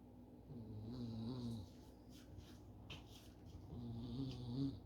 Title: Just like a baby (but with snoring) #shorts